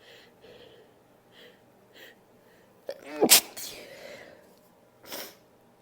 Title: Nose blowing and Sneezing (F)